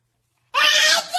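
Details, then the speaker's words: Adult man (a dad) sneezing loudly to make babies giggle: after silence, one loud, explosive hissing burst of air with a voiced edge, a single sneeze. "Woah, that was huge. Achoo! Ooh, pardon me."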